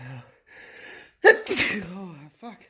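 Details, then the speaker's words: Sneezing in an adult runner about 20 minutes after a 3-4 km run: a brief voiced lead-in, then one forceful sneeze with sharp intake and explosive release, then a groan; coughing and snot too; an allergy to running is suspected. "I'm allergic to running. Oh, wow. I can't stop. No matter... This is like 20 minutes after every run. This sneezing and coughing and this is it."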